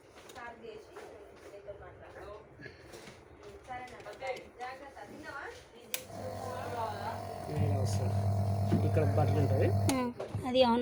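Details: Nebulizer compressor with air filter, for children (mask) or elderly (mouthpiece), switched on by button: click, a steady low motor hum for about four seconds, then a click off; a nebulizer compressor running.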